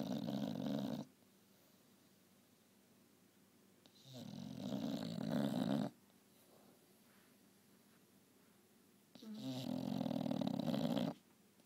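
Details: English bulldog snoring during a nap: loud, rough, rattling snores in long breaths, three heard, separated by quiet pauses.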